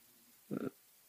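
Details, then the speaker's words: Snoring from Bibi, a female pug-cross dog, heard in the background of a podcast recording alongside a pigeon; snoring. "Pardon, j'étais en train de rigoler en me disant, putain, on entend les ronflements de Bibi et le pigeon."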